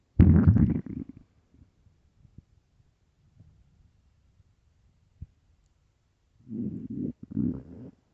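Deep, loud stomach growls at the start and end, with faint gurgles between: rumbling from a hungry, bloated stomach.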